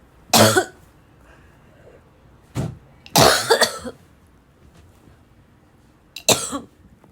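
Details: Harsh, barking cough, as if choking: four forceful coughs at irregular intervals over about seven seconds, some in quick double bursts.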